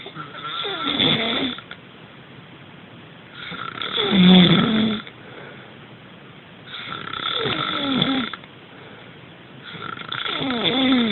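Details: Loud, rattling snores on each breath in, about four in eleven seconds, with quieter pauses between; ordinary snoring.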